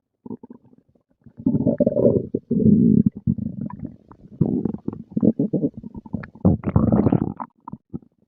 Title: Stomach growling and gurgling after breakfast